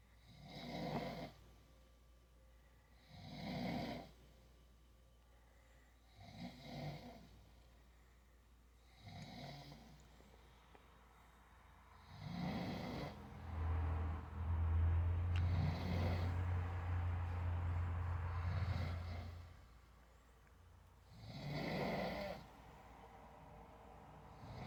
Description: I recorded a video of my dad snoring